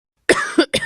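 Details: Cough: three quick coughs in a short run, the first slightly longer with a breathy tail.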